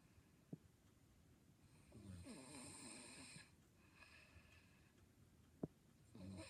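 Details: Sleeping young girl snoring: a rough, rattling snore on the in-breath, with a second snore starting at the end, in an otherwise quiet room.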